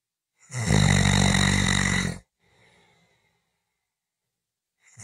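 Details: Short snoring clip: one loud, buzzing snore lasting under two seconds, then a faint breath out; a single snoring breath.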